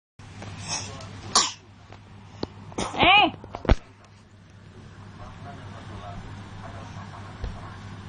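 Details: Young child coughing: several short, sharp coughs, about four, against quiet room noise.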